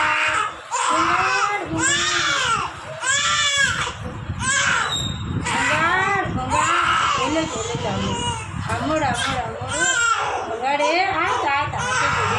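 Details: Two-month-old baby girl crying during ear piercing: loud, high-pitched, sustained crying and screaming in repeated intense bursts with brief gasps, an infant pain cry, while adults soothe and chant nearby.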